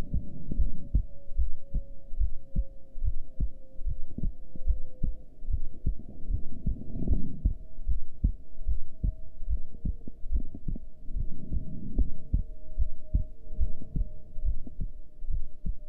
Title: Heartbeat while breath hold (with heart rate display)